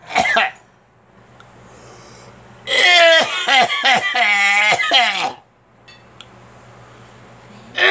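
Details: Adult coughing, saying it is really coming up and blaming the changing cold weather: voiced, strained coughs and throat sounds run together over a few seconds, with shorter coughs around them.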